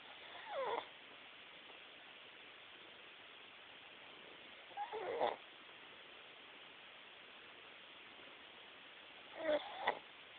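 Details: Mimi, a sleeping cat, snoring: three soft snorting snores about every four to five seconds, roughly 13 per minute; ordinary snoring.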